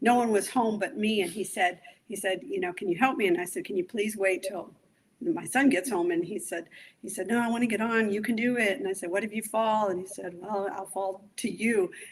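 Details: Adult woman speaking; Normal speech.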